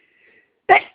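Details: Sneeze from hay fever before taking morning antihistamine: faint inhaled catch then one sharp, explosive sneeze, an allergic reaction to pollen.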